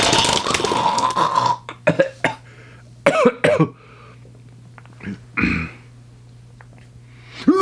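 Acted comedic sneeze: a noisy burst with gagging, retching-like sounds afterward, an imitation of a 'throw-up sneeze'.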